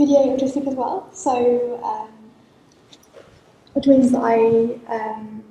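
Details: Stammering with speech blocks in a woman who stammers; she says she blocks more when she really wants to say a word to someone.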